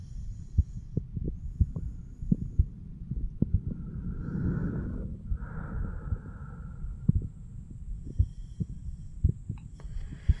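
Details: Normal heart sounds of a 34-year-old male self-auscultating with a stethoscope over mitral, tricuspid, pulmonary and aortic valve areas: low regular thumps with some rubbing noise and faint breath sound.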